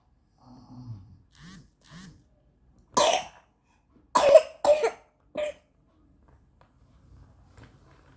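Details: A child coughs in several separate bursts, about six coughs, with soft voiced sounds before them in a quiet room; cough.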